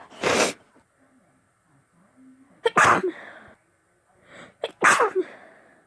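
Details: Adult with a bad head cold: three forceful, wet-sounding sneezes, the later two each preceded by a quick catch of breath; sneezing.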